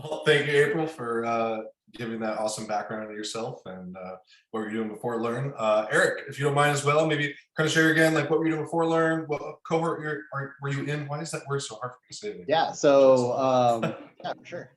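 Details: Adult male speaker; typical speech.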